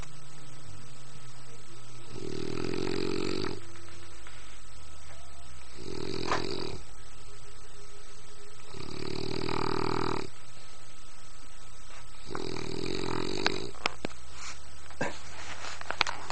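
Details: Adult man snoring while asleep on a camping trip: four loud, harsh snores roughly every three to four seconds over a steady low hum.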